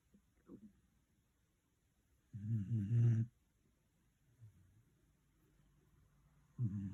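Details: Low rumbling snores on the in-breath with quiet pauses between, in a quiet room; ordinary snoring from someone who claims not to snore.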